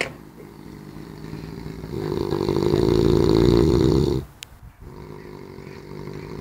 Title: BIG snore in.